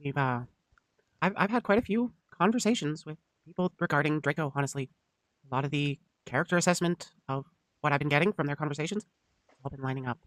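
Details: Adult male speaker; normal speech.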